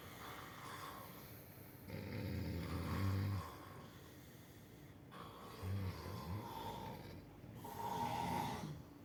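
Low, rumbling snores with snorting on the in-breaths, about three breaths across nine seconds: heavy snoring.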